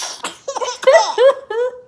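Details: Baby laughs at the mother's pretend sneezing; sharp simulated sneeze bursts mixed with bright, bubbly baby laughter.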